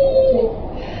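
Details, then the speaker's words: Imitated inspiratory laryngeal stridor: a brief high-pitched, whistling crowing tone on a breath in. It is produced when the larynx and trachea narrow, as in laryngitis, tracheobronchitis or allergy. "Esto es un estridor laríngeo. ¿Sí? ¿Qué pasó? Se estrechó la parte de la laringe y la tráquea, una traqueobronquitis, una laringitis, estado de alergia, hace cerrar."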